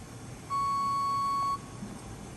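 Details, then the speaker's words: A single steady one-second tone over faint room hum: a Dräger Fabius anesthesia machine beeping during its automatic system self-test. "we're going to start on the left side it's a run System test it's going to do its thing you don't have to do anything special for this"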